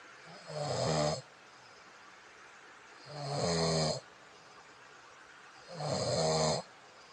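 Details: Snoring that disturbs a bed partner: three loud, rattling inhaled snores about every 2.5 seconds, roughly 24 breaths a minute, with quiet exhales between.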